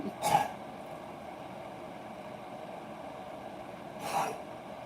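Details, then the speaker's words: Dog gives two short, harsh, snorting cough bursts about four seconds apart: kennel cough. "See, he's coughing now."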